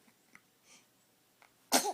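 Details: A few faint sniffs, then one sharp sneeze burst from a newborn baby; frequent newborn sneezing, normal for clearing the nasal passages, not a sign of illness or allergy.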